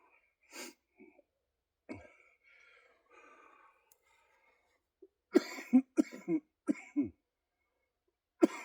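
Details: Person with cystic fibrosis, during a chest workout, reports mucus in the upper lungs and audible wheezing; productive cough in cystic fibrosis.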